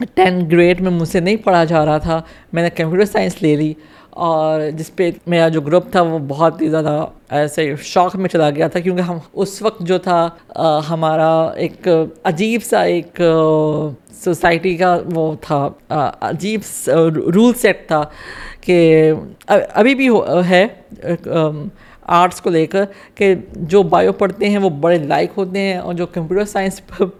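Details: Adult woman with cerebral palsy from birth affecting her right side, with a speech disorder involving frequent stammering and pauses, who has had speech therapy; pauses may be edited out; stammering (disfluent speech) with cerebral palsy.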